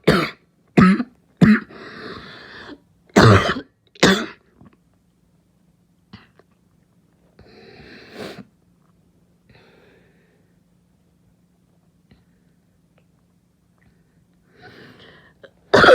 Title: Barking cough 3